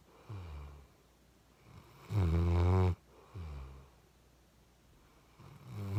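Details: Chocolate Labrador puppy snoring while asleep after a long walk: soft, low, rumbling snores with each breath, one louder and more buzzing.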